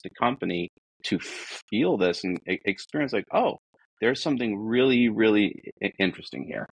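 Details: Adult man who states he is a person who stutters; stuttering.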